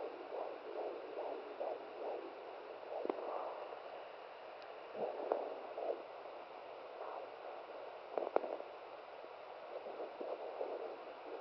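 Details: Home fetal Doppler at 17 weeks' pregnancy, probe held by the mother: rapid rhythmic whooshing fetal heartbeat about 140–150 a minute, with knocks and dropouts as the baby keeps moving.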